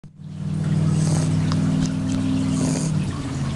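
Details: Seven-week-old male mini blue bear coat Shar Pei puppy sleeping with a steady, low, buzzing rumble of breathing; soft, harmless puppy snoring.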